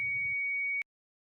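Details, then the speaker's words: Steady high electronic beep under a second with a brief low hum at its start: an AED switching on in a CPR/AED training demonstration, placed beside an unresponsive, not normally breathing person's shoulder. "next he places the AED next to the person's shoulder turns it on and follows the prompts"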